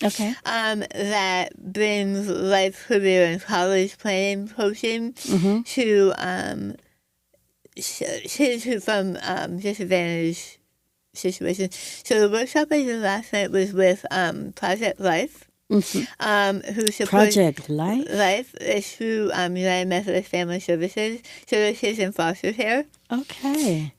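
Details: Adult woman with stage 4 right-sided tongue squamous cell carcinoma diagnosed December 2021; over half the tongue removed, arm-skin reconstruction, neck dissection, radiation, chemotherapy, speech therapy; her husband sometimes doesn't understand her; altered articulation after partial glossectomy.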